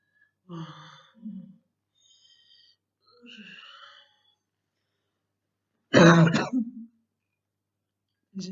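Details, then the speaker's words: Girl with what she describes as very hard bronchitis, in quarantine: throat clearing and soft grunts, then one loud, harsh cough burst and the brief start of another. "is my my quarantine. A very hard bronchitis, really."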